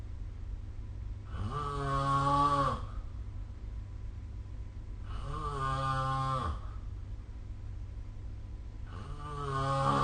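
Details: Deep, droning sleep snores on each in-breath, about every four seconds, over a steady low room hum, recorded with the SnoreLab app.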